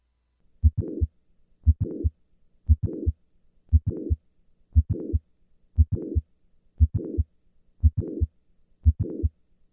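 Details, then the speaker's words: Regular heartbeat near 58 a minute during squat maneuver: sharp mid-systolic click and late systolic murmur of mitral valve prolapse; the click-murmur complex moves later with squatting and earlier with standing. "listen once again to the change in the click murmur with the squat maneuver"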